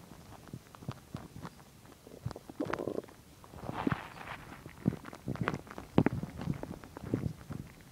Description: So here my stomach is digesting chicken and milk.